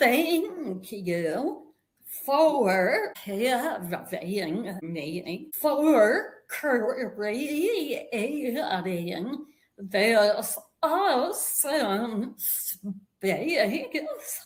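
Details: Vocal tremor in a woman; said to have developed as a physical manifestation of decades of narcissistic and emotional abuse that began at age five.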